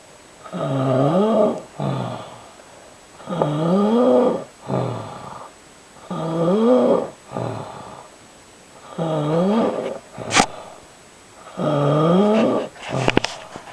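Loud, rumbling, rhythmic snores on each breath in with a shorter breath out, about 5 cycles in 14 seconds; heavy snoring.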